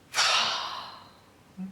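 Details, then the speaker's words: Real GP consultation: a parent imitates the child's sharp, noisy gasping in-breath on resuming breathing after a pause in sleep; the child snores terribly and has been seen to stop breathing at night. Imitated gasp after a sleep apnoea pause. "he's really tired he' get to a point where you think he stopped breathing he'll go in in in"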